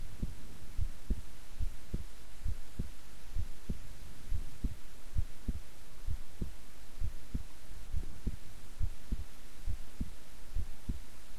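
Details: Normal, relaxed heart sounds recorded at length while the person kept still: steady paired lub-dub beats at about 67 a minute over a low hum.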